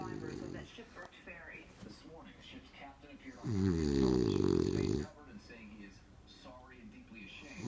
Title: Snoring. Williamsburg, NYC.